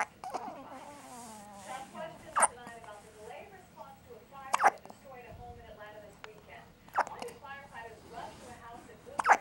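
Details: One-day-old baby girl with hiccups lasting about 6 minutes: abrupt hiccup bursts recur every few seconds, with baby voice sounds and soft fussing between them.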